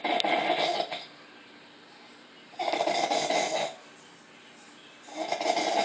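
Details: Adult woman snoring while asleep: three loud, rasping snores about every two and a half seconds, with quiet pauses between.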